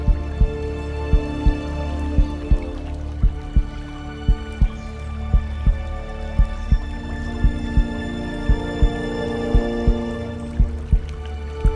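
Steady, regular low thumps at about 57 a minute under calm music: a slow heartbeat.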